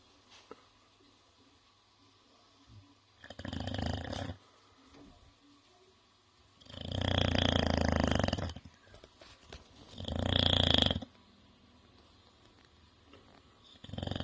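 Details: Sleeping English bulldog snoring loudly and roughly, noisy breaths every few seconds with quiet gaps between.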